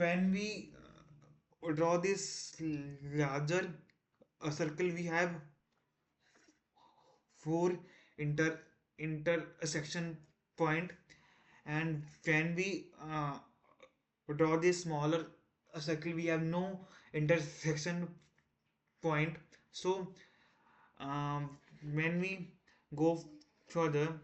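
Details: Man who stammers, recorded on day 1 of his self-set 30-day stop-stammering challenge, with repetitions and fillers audible; stuttering.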